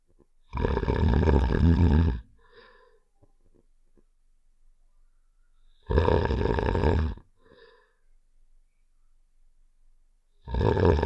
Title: (NEW UPDATE) Save The Shapes: Heart's Snoring Sound Effect (REQUESTED)